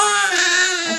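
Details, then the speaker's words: Hungry newborn daughter (older sibling is a toddler) crying just before a feed, said to be very hungry: sustained, strained high-pitched wail without pauses; infant hunger cry. "I need to feed her before she was sick crap let me just put you guys said yeah she's very very hungry"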